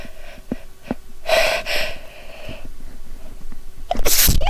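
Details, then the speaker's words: Adult with a female-tagged recording smelling a sneeze-triggering soap from France, saying it tickles immediately; a few quick catching breaths build up, then one forceful explosive sneeze, an ordinary sneeze. "okay I'm going to smell it oh my God it tickles almost immediately it's going to make me sneeze"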